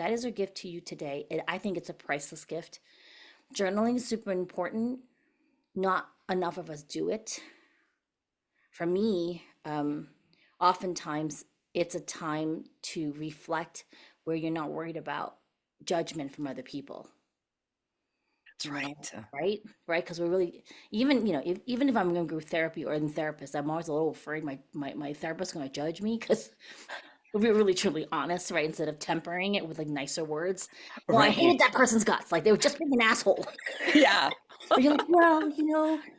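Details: Adult women in conversation; typical voice.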